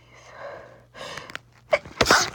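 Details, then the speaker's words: Person saying they have to sneeze: a quiet build-up of breathy inhalations, then a sharp, explosive sneeze burst at the end; sneezing. "sneeze. I have to sneeze. I have"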